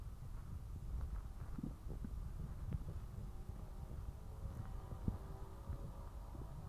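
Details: Low, continuous gurgling and rumbling with short squeaky bubbling sounds from the stomach after eating spicy ramen; bowel sounds, borborygmi.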